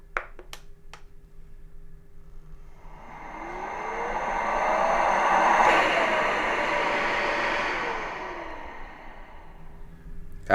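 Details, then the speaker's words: A few clicks, then a rising and falling motor whoosh with whine: Sparrow portable ambulance ventilator running its circuit test after power-on and connecting the circuit and sensor tubing. "after it's plugged in perform the circuit test by pushing the button"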